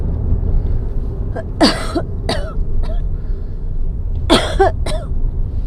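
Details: Adult coughing during an asthma episode while driving: repeated short coughs, throat clearing and phlegm clearing over steady car engine noise.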